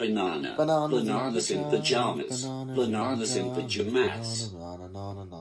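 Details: Female speaker with Tourette syndrome shows involuntary repetition of her own words; palilalia (vocal tic).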